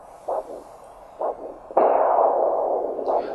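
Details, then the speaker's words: Handheld Doppler over the posterior tibial artery and adjacent vein: pulsed arterial whooshes, then a sustained rushing venous signal on foot compression, normal venous augmentation indicating no nearby venous obstruction. "you just heard was venous return being augmented by compression of the foot and that tells you that at least in this immediate vicinity the the venous return is normal there's not no obstruction"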